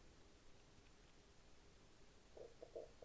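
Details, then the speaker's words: Quiet room hiss, then a few short, low gurgling rumbles near the end from a man who has not yet eaten at 11 o'clock; hunger-related stomach rumbling (borborygmi). "I don't know if you can hear my stomach there. I haven't eaten yet, and it's currently 11, so excuse me."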